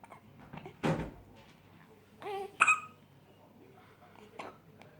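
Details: Infant: a few soft, abrupt little catches in a quiet room; normal infant hiccups.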